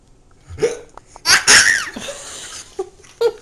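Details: Infant hiccups: several short, sharp hiccups with a loud burst of laughter in between, recurrent hiccups mixed with laughter.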